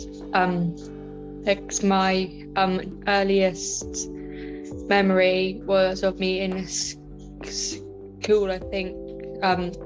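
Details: Adult woman with a stammer; stammering.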